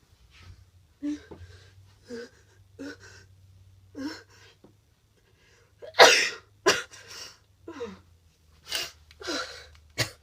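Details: Person with a cold, nasty cough and very runny nose: a few short voiced breaths lead into one loud, explosive sneeze, followed by a run of short, sharp coughs.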